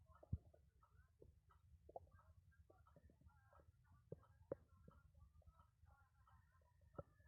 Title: Very nuts stomach growling